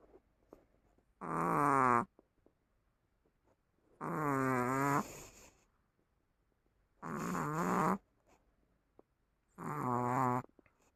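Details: Chihuahua gives four loud, buzzing, tonal snores, about 20 a minute, with quiet pauses between them: snoring.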